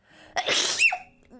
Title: Sneezing Compilation